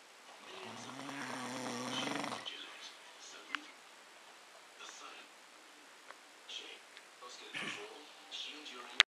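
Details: Snoring at night after drinks and a fish supper: one long, deep, rumbling snore on the in-breath, then quiet room noise with small scattered sounds.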